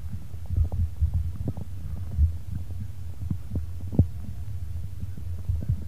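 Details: Own heartbeat and stomach heard close to the body: soft low thumps over a steady deep hum. Heartbeat.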